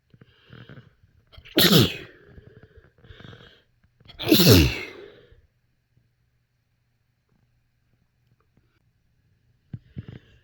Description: induced sneezes some kinda restrained and some into tissues but mostly the normal ones